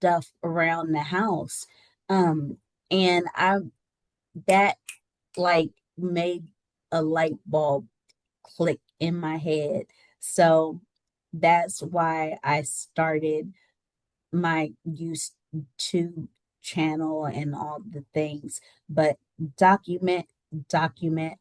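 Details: Adult woman with aphasia after a stroke that left her unable to speak, recovering with speech-language therapy via an app; the speech shows word errors and self-corrections.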